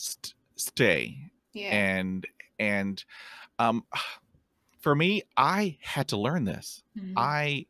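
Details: Real stuttering in an adult man who stutters, heard while hosting a podcast about life with stuttering; stuttering.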